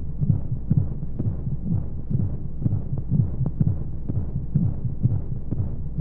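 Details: Womb-sound sleep aid for babies: soft, muffled, steady heartbeat thumps about two a second over a whooshing white-noise hum, as heard inside the womb; heartbeat.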